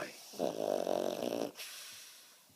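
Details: A rattling, fluttering snore lasting about a second, followed by a soft exhale; snoring.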